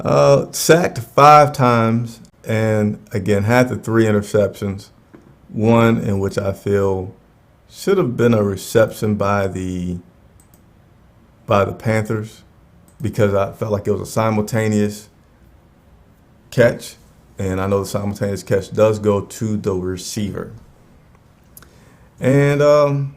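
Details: Adult man who says his own stutter is audible while he speaks live; stuttering.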